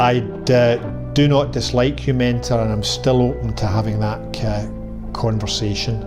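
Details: Stuttering in a man removed from his university course because of his stutter; he has worked on his speech for over 20 years and uses deliberate disfluency as a technique.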